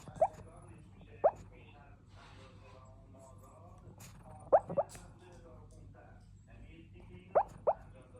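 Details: Puppy hiccups: soft, sharp little hiccup sounds, single or in pairs, a few seconds apart, in a quiet room.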